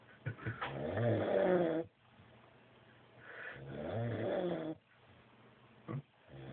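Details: Loud, rough rattling snores on each breath in, about 20 breaths a minute, with quiet breaths out between; a man snoring, described as drunk while asleep.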